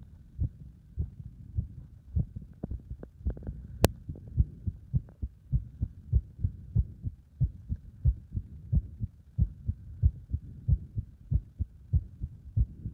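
Fast, regular heartbeat at about 94 beats a minute with distinct thumps, recorded under exercise load; a sharp click near the start.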